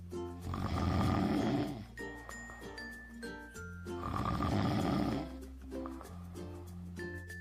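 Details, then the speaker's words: Snoring during sleep: two loud, rough, rumbling snores on inhalation, about 17 breaths a minute, over soft background music. "यह देखा गया है कि कुछ लोग नींद में खर्राटों की बड़ी विचित्र आवाज पैदा करते हैं।"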